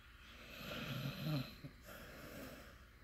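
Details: Sleeping puppy snoring: a low, fluttering snore on one breath, then a short snort and quieter breathing.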